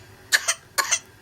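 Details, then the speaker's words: Short, forceful cough bursts in quick pairs during a whooping cough (pertussis) paroxysm, as the patient chokes and the face, tongue and lips turn blue and breathing stops. "تزيد القحة تزيد، يختنق. شوفوا وشه شلون صار ازرق، وشوفوا لسانه شلون صار ازرق، اختنق فدنب."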